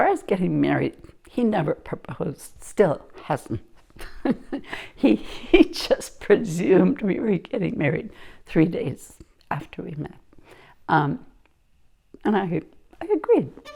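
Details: Adult woman speaking; typical speech.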